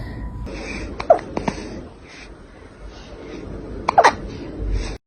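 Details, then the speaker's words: Kitten with hiccups: brief sharp hiccup sounds, a few spaced over several seconds, against faint room noise. "[Music] [Music] baby oh hello have you got hiccups [Music] do you have the hiccups oh baby be"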